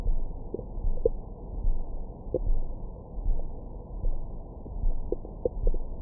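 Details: Low rumbling with irregular soft gurgles and squeaks over the belly, recorded with a Stemoscope stethoscope microphone after a large meal for ASMR: typical active bowel sounds, stomach growling.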